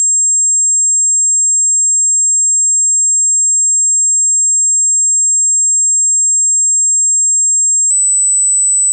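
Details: Audiology-style hearing test tones rising low to high at constant loudness, 8 seconds each; steady very high pure tone held about eight seconds, then a slightly higher one begins: pure-tone hearing test tone.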